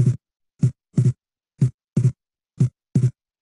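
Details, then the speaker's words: Teaching example of wide splitting of the second heart sound that varies with breathing, as in pulmonary stenosis, right bundle branch block or right heart failure; regular heartbeat near 60 a minute, single S1, clearly double S2: wide splitting of the second heart sound. "كل هذه الحالات هيبقى البولمونري كومبوننت بتاعهم جاي متاخر اكتر، فالسبليتنج عندهم هيبقى اوسع زي ما احنا سامعين كده"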